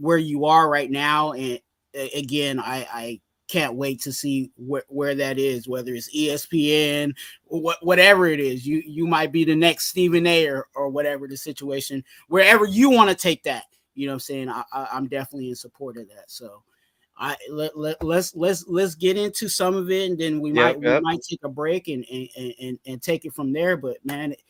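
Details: Stuttering in an adult male, very severe in childhood and now milder, with some still audible in his current speech.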